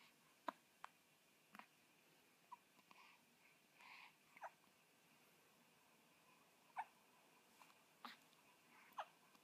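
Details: 7-day-old newborn baby girl with hiccups: faint, brief clicks recurring irregularly, about eight in nine seconds, in a quiet room; hiccups.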